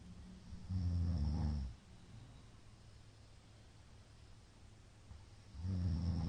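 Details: Middle-aged man asleep, recorded 2022-02-23; the recorder judges it sleep apnea from the count of shallow hypopneas. Loud, low, rattling snores separated by a quiet gap of about four seconds: snoring with apneic pauses.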